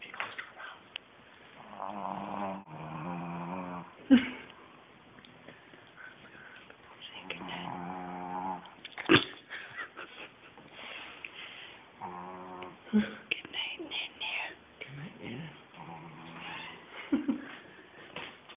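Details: Shih Tzu dog in deep sleep, snoring: repeated fluttering, buzzy snores with snorting gaps and sharp clicks, about twelve breaths a minute.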